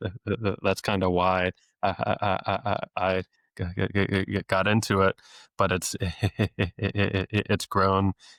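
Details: Adult male speech-language pathologist who has stuttered since age eight, with therapy off and on into his early twenties, deliberately lets his stutter show; stuttering with sound, word and phrase repetitions.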